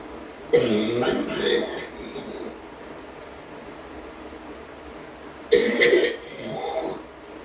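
Two forceful, harsh coughing bouts about five seconds apart, each a sharp burst followed by a rougher tail; hard coughing.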